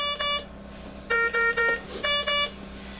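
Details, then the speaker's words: CareFusion AVEA ventilator start-up alarm, in a respiratory care training setup: groups of loud electronic two-tone beeps over a steady hum as the ventilator powers on and loads its settings, before being silenced. "okay we have a little alarm going off so let's silence that"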